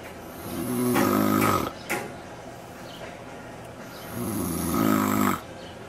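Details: Adult man napping outdoors in a backyard: two loud, rough, rattling snores on the breath in, separated by a quiet pause; ordinary snoring.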